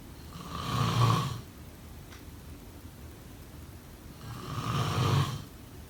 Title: #snoring #sleepnoises #snoringasmr #snoringsleepingsoundeffect #snoringsounds